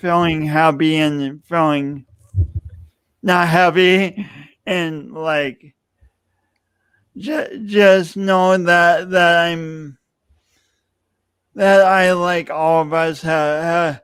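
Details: Adult male speaker; speech impediment.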